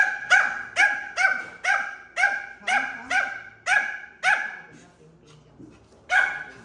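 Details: Dog with tracheal collapse and bronchitis: a rapid run of harsh, tonal honking coughs, typical of tracheal collapse.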